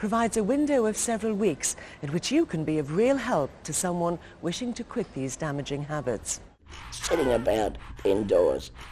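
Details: Adult narrator; typical speech.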